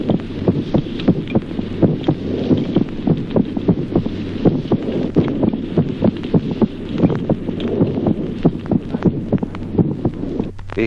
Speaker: signos auscultatorios normales en el niño arritmia respiratoria simultánea